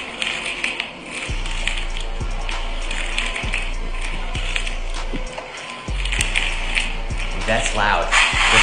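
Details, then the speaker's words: Knee popping and cracking, sharp loud pops about once a second with knee movement, in a person with three past knee surgeries; suspected scar tissue; knee crepitus. "this down okay that was pretty loud and this person listed that they had three knee surgeries in the past so this popping and cracking is likely due to scar tissue in the knee"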